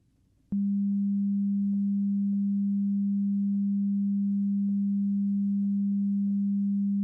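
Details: Simulated ASMR role-play hearing test over headphones, first test (count the sounds, say when the sound stops): a steady low pure tone begins abruptly and holds several seconds; audiometry test tone.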